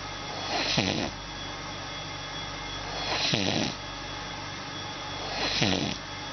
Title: УМОРА. ВЫ ТОЖЕ ТАК ХРАПИТЕ? Of HUMOR. YOU ALSO SNORE?